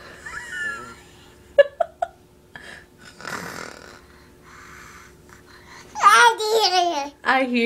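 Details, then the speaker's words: Young girl pretending to snore on a changing table: a breathy, rattling imitated snore, with light clicks and voices nearby. "you sleeping are you snoring are you snoring you going to sleep"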